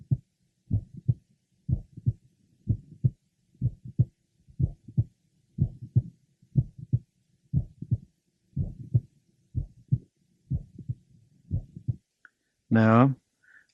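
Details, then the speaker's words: Mother with familial mitral valve prolapse, bothered by frequent premature beats and on medication, heard at the apex: regular heartbeat near 60 per minute with a mid-systolic click. "now listen to his mother she has a mid systolic click occasionally a couple of clicks are heard sometimes she has in addition a late apical systolic murmur occasionally no click or murmur are present"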